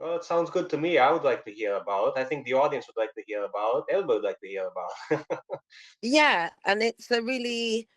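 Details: Adult speaker in conversation; normal voice.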